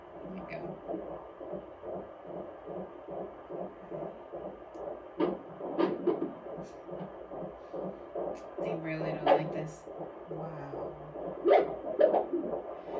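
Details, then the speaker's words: Fetal heartbeat on Doppler at a midwife appointment during the mother's eighth pregnancy: fast rhythmic whooshing beats with scratchy bumps from the baby moving against the probe. "she's about to listen to Baby so we can hear baby"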